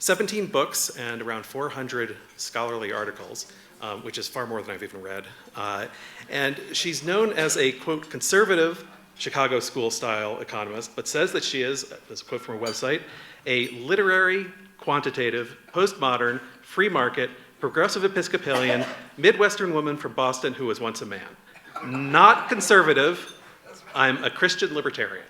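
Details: Adult male speaker; normal speech.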